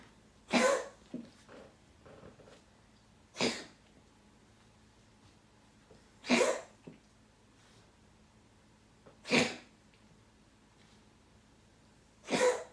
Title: Yes I got him sneezing XD